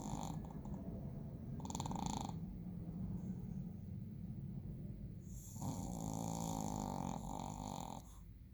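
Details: Sleeping Shih Tzu snoring: low rumbling, rattling breaths with a few higher whistling bursts.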